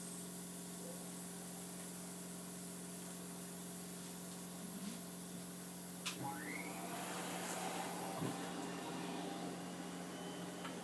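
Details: Mechanical cough assist (insufflation-exsufflation) device used with suctioning of phlegm for a patient with ALS: steady motor hum, low tonal drone and a brief rising whine.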